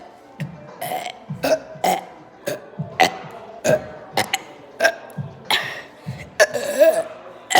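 A rapid series of about a dozen short, voiced burps with music in the background.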